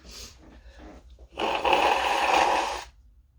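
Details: A single sneeze from a drawn-out fit of single sneezes, in someone who thinks they are coming down with something, while working from home: short quick in-breaths, then one forceful hissing burst lasting over a second.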